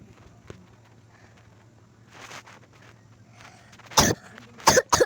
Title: Sorry I got a Cough 😅♀️